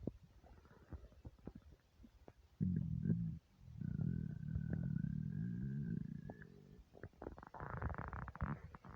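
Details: Deep, drawn-out gurgling empty-stomach rumbles with a few squeaky tones and scattered pops; borborygmi.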